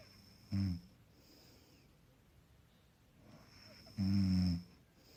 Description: Soft snoring background sound track. Some people would like to create an environment prior to sleeping.